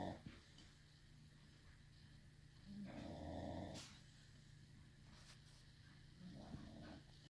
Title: snoring.